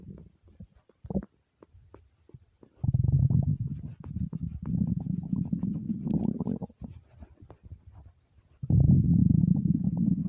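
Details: Hunger bowel sounds (borborygmi) from an empty stomach: loud, low gurgling and growling rumbles in long runs, a normal finding.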